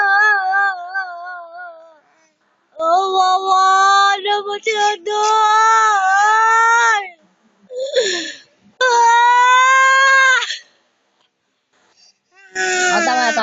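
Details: Infant crying while being soothed, with a caregiver saying there is no milk; loud, sustained wailing cries in bursts with pauses for breath and a little gasping between.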